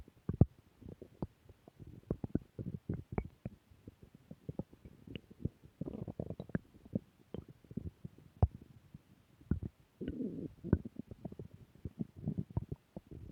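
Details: Stomach growling returning: irregular low gurgles, pops and rumbling bursts from the abdomen throughout; ordinary bowel sounds (borborygmi) of gut movement.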